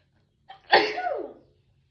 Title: How to sneeze nonstop! (Part 24)